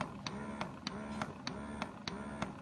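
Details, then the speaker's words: Madenal double electric breast pump running, said to be even quieter than a Medela: a quiet low hum with regular soft clicks, roughly three a second; normal operation. "this is the man [Music] and this is I believe even quieter than the medulla which is pretty amazing because I thought the medulla was quite quiet but this one's great"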